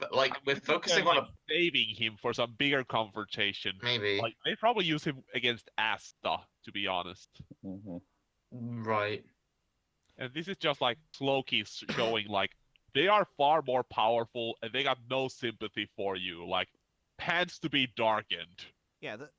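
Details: Adult male speaker; ordinary speech.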